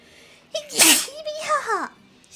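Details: VTuber wolf character sneezing twice: a loud sneeze with a voiced lead-in, then a brief voiced sound trailing off; ordinary sneezing.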